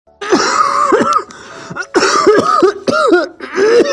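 Three bursts of harsh, voiced, exaggerated coughing with throat-clearing sounds, acted for comedy; an imitated cough.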